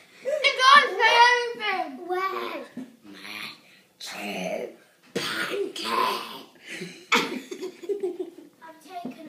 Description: Five year old impression time with hiccups!